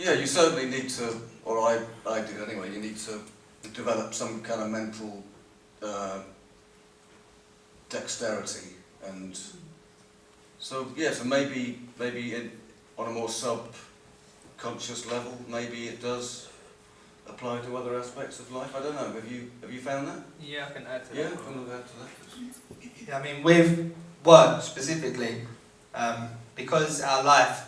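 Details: Adult living with a stammer, who took part in vocal training and was chosen as lead vocalist; stuttering (stammer).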